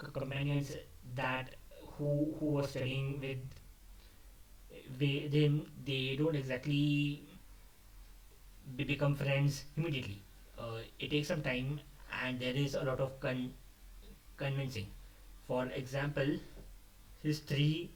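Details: Adult male who stammers, speaking unscripted, which he says increased his stammering; word repetitions audible. Finding: stuttering.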